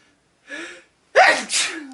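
A brief sharp intake of breath, a pause, then one explosive burst of air through the nose and mouth: a single sneeze.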